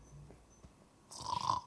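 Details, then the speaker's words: An adult imitates snoring, presented as a possible sign of sleep apnea: after a quiet pause, a single harsh, rattling snore. "Ngorok itu adalah pertanda terjadi slip up nih."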